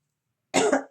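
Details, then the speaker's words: An adult woman with angina (sore throat) and a hoarse voice gives one short, harsh cough after half a second of silence. "Désolée, j'ai une angine, donc je tousse et ma voix est un petit peu enraillée, hein."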